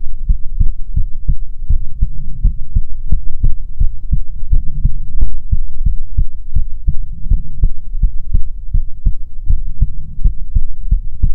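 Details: ASMR heartbeat recording: steady, regular, deep heartbeat thumps throughout with a slight hum underneath; normal heartbeat.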